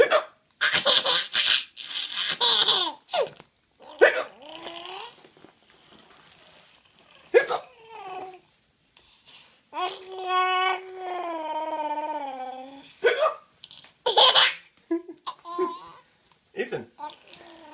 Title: Baby giggling at hiccups! Part 2